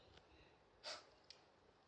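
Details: Chihuahua sneezing: one short, sharp nasal burst followed by a faint snort, in a quiet room; dog sneeze.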